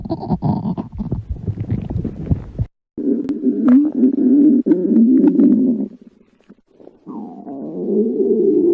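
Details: Woman in a bikini with stomach growling: loud gurgling and squeaky, whining rumbles from the belly with brief pauses; borborygmi.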